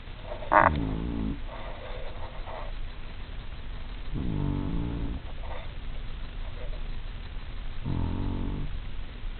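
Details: Three deep, drawn-out rumbling snores about every three to four seconds; snoring during sleep.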